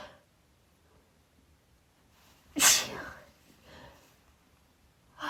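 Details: A woman's first time trying chhinkni sneeze snuff produces rapid sneezing with gasping and false starts: a quick breath in, one loud explosive sneeze, softer breathing and the start of another.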